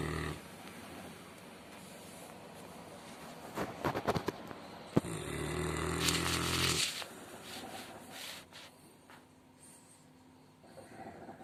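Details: Quiet room with soft rustling, then one loud, rough, rumbling snore lasting about two seconds from a large dog in deep sleep; ordinary snoring.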